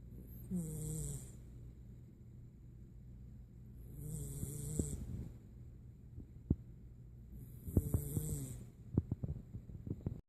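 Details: Cat snoring: soft, repeated nasal snores roughly every three to four seconds over a low steady hum, with a few faint clicks; snoring.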